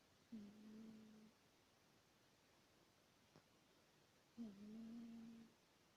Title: Кошка храпит во сне. | Cat snores in his sleep.